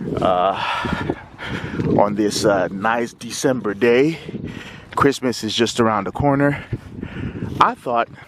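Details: Man who has stuttered since childhood, speaking while walking; stuttering.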